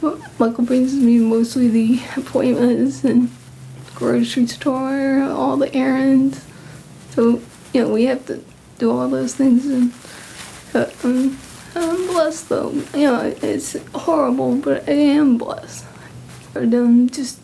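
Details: Hyperkinetic dysarthria in a 39-year-old woman with genetic Huntington's disease inherited from her father, tested positive 11 years ago; also clumsiness, memory loss, restlessness and difficulty formulating thoughts.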